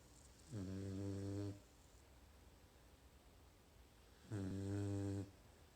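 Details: Two low, droning snores about 4 seconds apart, roughly 15 breaths a minute, in a quiet room; a sleeping dog snoring.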